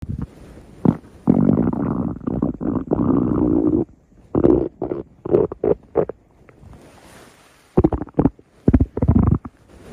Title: Stomach Growling